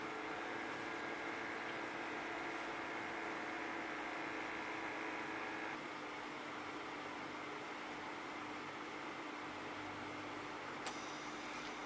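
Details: Microlife A6 Basic automatic blood pressure monitor in triple-averaging mode with stroke (AFIB) check, first of three readings: steady electric pump whir as the cuff inflates, changing pitch midway; routine automatic measurement.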